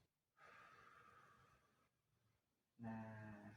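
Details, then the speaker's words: Slow airy breath in through the nose, a brief hold, then a steady breath out through the mouth: a simulated nursing-practice deep-breathing exercise for a woman who still has phlegm in her lungs and is breathing uncomfortably. "Eh yang kemudian setelah itu Ibu tarik napas dalam melalui hidung nah tahan sebentar Nah keluarganya melalui mulut seperti itu syukur Mbok nah lagi Tarik nafas jalan lagi keluarkan lewat mulut"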